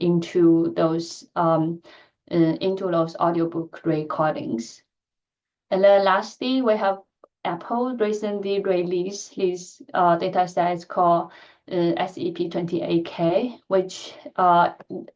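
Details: Adult woman who stutters, speaking in a lecture; she says her stuttering pattern varies greatly with listener and situation; stuttering.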